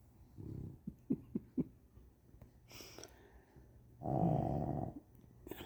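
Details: Sleeping boxer dog snoring: soft snorting breaths and snuffles, then one louder rattling snore.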